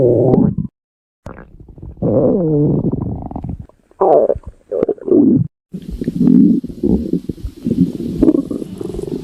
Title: stomach growling